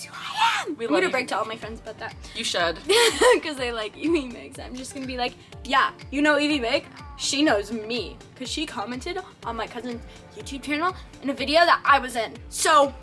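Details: Young girl speaking; ordinary speech.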